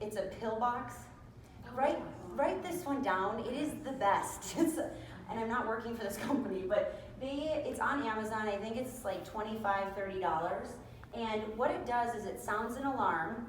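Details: Adult woman speaking; typical speech.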